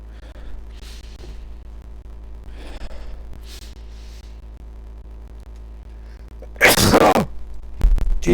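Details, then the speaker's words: Steady microphone hum with a few soft breaths, then one loud explosive sneeze during a microphone test, followed by a brief noisy burst, likely clipping; sneezing. "holy [ __ ] I'd have to sneeze so I need to put on the"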